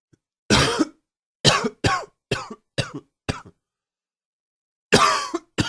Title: Coughing 33